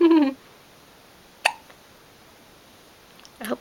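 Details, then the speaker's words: A baby boy awake with his eyes open, hiccupping around noon: a brief voice, then a single sharp, abrupt hiccup in a quiet room, with a soft vocal sound at the end. "okay today is April 20th it is about noon and his eyes are open and we have the hiccups today you guys stare at the camera"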